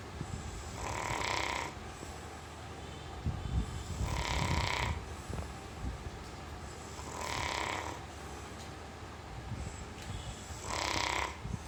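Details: Pet dog snoring while asleep: four regular wheezy, whistling snores, about 20 a minute, harmless snoring.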